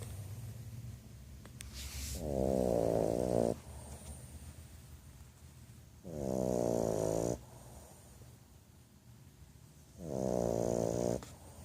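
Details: Bulldog napping, gently snoring: three loud, rattling, buzzy snores about four seconds apart, roughly 15 breaths a minute, with quiet exhales between.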